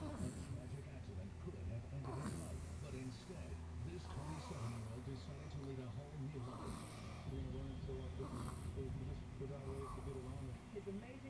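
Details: Baby in deep sleep snoring: soft, low rumbling breath noises recurring about every two seconds over a steady background hum.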